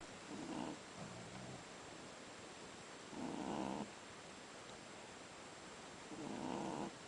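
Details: Shih Tzu puppy sleeping with soft, rhythmic rumbling snores about every three seconds, roughly 20 a minute; ordinary sleep snoring.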